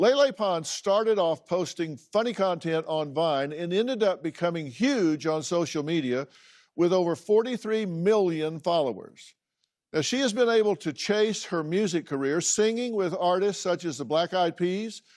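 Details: Adult narrator; Normal speech.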